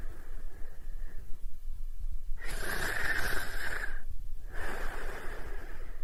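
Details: Snoring during sleep: two long, rough, rasping breaths against steady low background noise.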